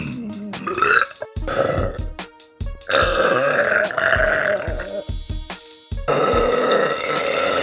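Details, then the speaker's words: Girl demonstrating voluntary burping: a run of long, loud, rumbling belches with short pauses over background music. "one of the first ways you can do it is just slow air i don't know how to describe it other than swallow air"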